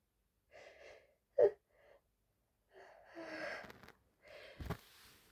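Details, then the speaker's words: Person sneezing since returning from a birthday party, possibly triggered by knocking over a wall television: soft, partly stifled sneezes with quick gasping intakes between them; a short sneezing fit. "I just got home from a really exciting birthday party and excuse me um and I've sneezing ever since and I thought I could record excuse me record a video"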